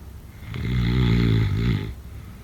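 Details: Snoring.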